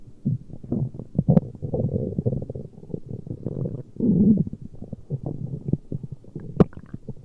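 Continuous low gurgling and rumbling with bubbly bursts, typical stomach growling from gas and fluid moving through the gut.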